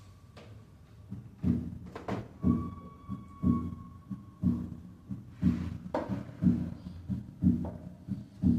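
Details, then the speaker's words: Paradoxical splitting of the second heart sound from left bundle branch block and aortic stenosis, at 60 beats per minute; P2 precedes A2 and the split widens on expiration and narrows on inspiration. "el desdoblamiento paradójico se muestra en la figura 13 en un caso de bloqueo de Rama izquierda y estenosis aórtica escuchemos primero a 60 latidos por"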